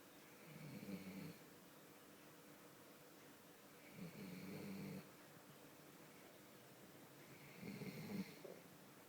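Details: She is very tired and snoring after two days missing from home: three rough, low snores about every 3.5 seconds, roughly 17 breaths a minute, in a quiet room.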